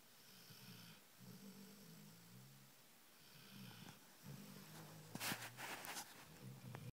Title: snoring dog